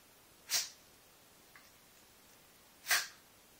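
Two sharp, hissing sneeze bursts about two seconds apart in a quiet room; sneezing.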